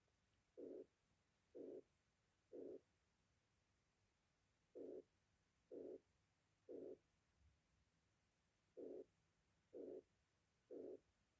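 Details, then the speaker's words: Moderate mitral regurgitation, diaphragm at the mitral area with patient supine: regular, mid-frequency, rectangular blowing murmur filling all of systole at about 62 beats a minute; S1 normal, S2 single, S3 gallop in diastole. "the murmur of metal regurgitation is a mid frequency rectangular murmur taking up of all systole s1 is normal and s2 is single there is a third hertz sound gallop in diastole"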